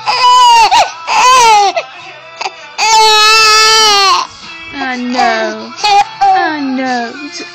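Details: Infant with hiccups crying: loud, high-pitched wailing in repeated bursts with brief catches of breath between them.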